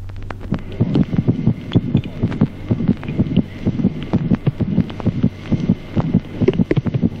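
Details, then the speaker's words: Teaching recording of rapid, soft fetal heart sounds around 128 a minute, with the slower maternal pulse heard underneath as a soft, whooshing, systolic-murmur-like sound: fetal heart sounds with maternal pulse. "ejemplo cuarto ruidos cardíacos fetales además pulso materno como un suave soplo sistólico"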